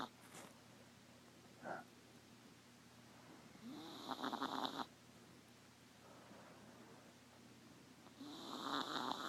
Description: Tonight we discovered that our 3 pound, apple head, teacup chihuahua snores like a trucker.